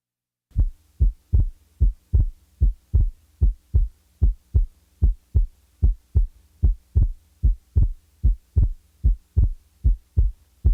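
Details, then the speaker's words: Physiological splitting of the second heart sound: A2 then P2, split on inspiration and single on expiration; heard best at the left base with the stethoscope diaphragm. "The second sound will be split upon inspiration and usually will be heard as single on expiration. The physiologic split second is heard best at base left with the diaphragm chest piece."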